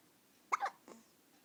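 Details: Two soft, abrupt hiccups from a 14-day-old baby boy after feeding, each a quick catch of breath with a tiny vocal squeak, in a quiet room; newborn hiccups.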